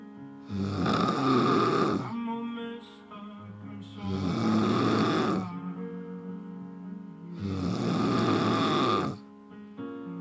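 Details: Heavy snoring from a "little lady" who snores like a big man: loud, rough snores roughly every three seconds, with soft music underneath.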